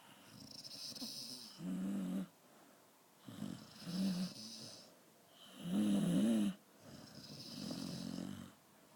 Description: Dalmatian Snoring in tune with owner